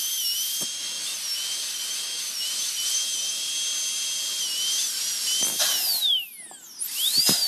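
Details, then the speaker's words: Dental training demonstration on a model before patient work. Steady high-pitched whine of a dental handpiece trimming the edge of a temporary crown, with brief clicks and a pitch sweep as it stops and restarts. "same thing on the other side and now I'm going to trim that edge"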